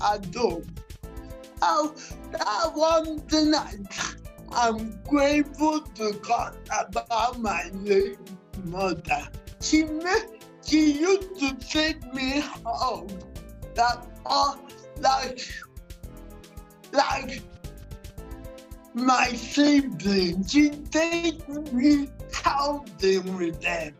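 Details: Dysarthria in a 47-year-old woman with cerebral palsy, which presents through her speech.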